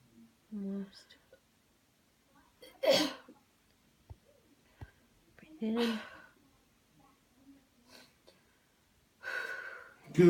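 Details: Demonstration of a coached airway-clearance coughing technique after paced counting and a deep breath in: breaths in, then three forceful, breathy cough bursts spaced a few seconds apart.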